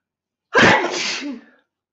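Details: Girl's single sharp, forceful sneeze, a sudden burst of air with a short voiced tail, in a quiet room; tagged allergies and sinuses.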